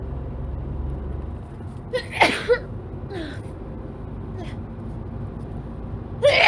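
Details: Woman with a cold, runny itchy nose, sneezing in a car: a sharp sneeze after a quick intake of breath, another starting at the end, over car engine hum.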